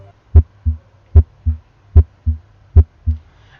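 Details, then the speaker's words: Normal heart sounds heard by stethoscope diaphragm at the aortic, pulmonic, tricuspid and mitral auscultation points in training: a regular lub-dub at about 75 per minute, first sound louder, no murmur. "first is the sound of aortic auscultation point now is the sound of the pulmonary escalation point now is the sound of tricuspid exploitation point and now is the mithral"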